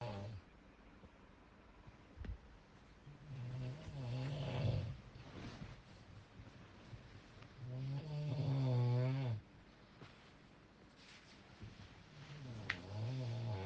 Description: Snoring is the hoarse or harsh sound that occurs when air flows past relaxed tissues in your throat, causing the tissues to vibrate as you breathe.